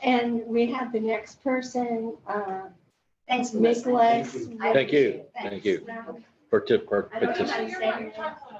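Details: Adult woman speaking; ordinary speech.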